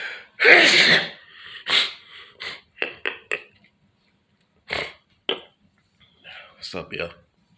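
One loud, forceful sneeze, then quieter breaths, sniffs and short bursts in a quiet room.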